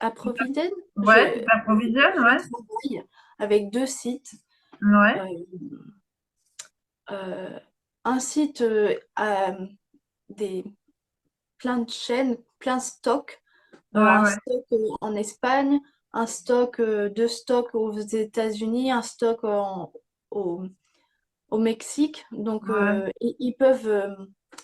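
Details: Young woman, speaking French, with aphasia after a stroke at age 22 that severely affected her speech and grammar, years later; aphasia after stroke.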